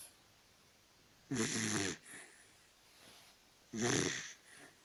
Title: Mr snores (Dachshund) . Mr ronquidos , perro salchicha.